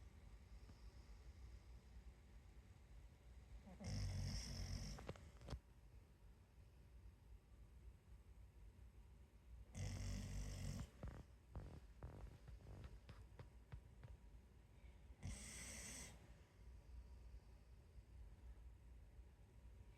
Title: 04-06-2025 snore